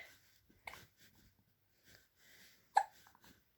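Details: Infant almost three months old with hiccups: a few abrupt, brief catching sounds with soft breathing between them in a quiet room.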